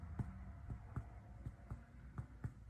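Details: Resonant percussion note heard during a physical assessment.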